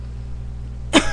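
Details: Single sharp cough from an adult woman talking on webcam, over a steady background hum; plain cough.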